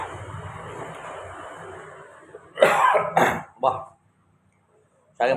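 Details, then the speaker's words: Several short harsh cough bursts while eating very spicy kikil with chili sambal; the eater says the heat made him cough. "pedasnya guys, nggak kuat sampai batuk-batuk saya."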